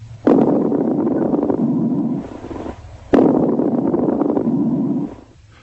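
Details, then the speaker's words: Lung auscultation over two breaths: loud, lower-pitched, longer bubbling coarse crackles through much of each breath. "course crackles are louder lower pitched and longer"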